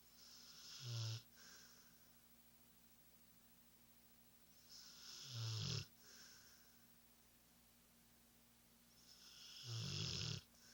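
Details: Ordinary sleep snoring: three loud, rattling snores about 4–5 seconds apart, roughly 13 a minute, over a low, steady background hum.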